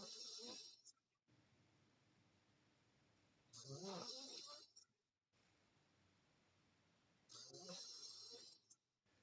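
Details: Sleeping girl with mouth open: rough, rattling snores on each breath, about 16 a minute, with quiet breathing between; mouth-open snoring.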